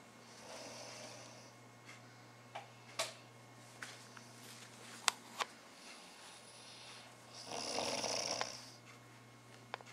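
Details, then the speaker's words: A sleeping person snoring: soft breathy snoring breaths with scattered clicks over a low steady room hum. Snoring. "was I snoring you sound like that truck outside"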